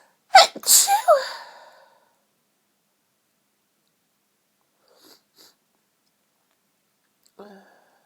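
Two quick loud sneezes, then quiet with faint sniffs and a soft voice; ordinary sneezing.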